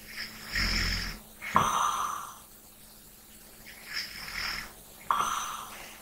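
Two slow breath cycles in six seconds, each with a rough, rattling snore and a whistly hiss; snoring during sleep.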